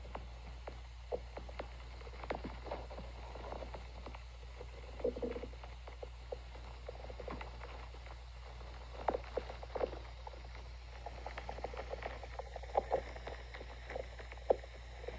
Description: A requested video of my stomach growling